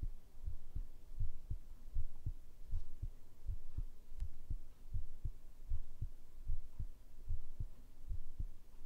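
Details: ASMR heartbeat recording, tagged as made with a binaural microphone: steady, regular low thumps at about 78 beats a minute with a soft background hum, a normal resting heartbeat.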